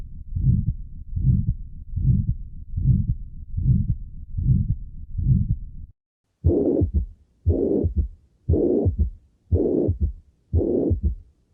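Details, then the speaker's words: Teaching audio of a left-heart murmur, from a set of aortic stenosis, mitral regurgitation, aortic regurgitation and mitral stenosis: regular heartbeat about 75 per minute with a prolonged whooshing murmur filling much of each cycle; heart murmur. "Les recomiendo escucharlos con audífonos para que puedan definir mejor las características del soplo."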